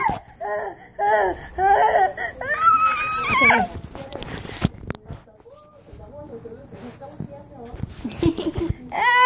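Bursts of high, wavering crying and whimpering with pauses between, plus background voices; an ordinary infant cry.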